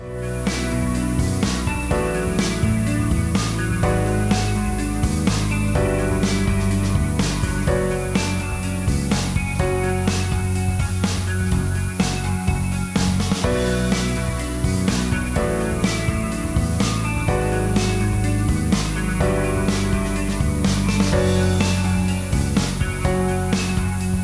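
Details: Simulation of stress-induced sudden sensorineural hearing loss in the left ear of a singer-producer, hearing a song while mixing: rock music with guitar sounds dull and bass-heavy.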